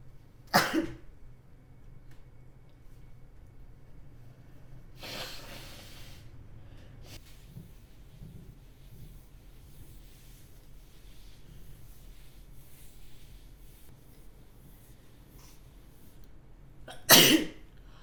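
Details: A woman sneezes repeatedly in a quiet kitchen: two sharp, explosive sneezes about sixteen seconds apart, with a softer breathy burst between them.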